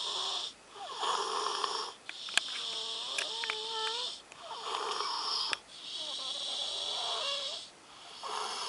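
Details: Sleeping person snoring loudly in a steady rhythm, rough breaths with high whistling, squeaky nasal tones on several breaths; nasal snoring.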